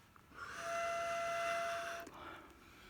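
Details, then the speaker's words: Steady high whistle for about one and a half seconds as a patient inhales Flovent from a metered dose inhaler through a spacer chamber in a nursing teaching demonstration; the whistle stopping means no medication is left in the chamber. "he makes a noise when the noise is gone means there's no medication left on this chamber"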